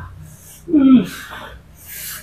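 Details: Sudden voiced groan with a sharp breath, then a breathy exhale: a pained cry as pressure is applied during massage of a patient with right-sided frozen shoulder spreading to the arm, shoulder blade, neck and head.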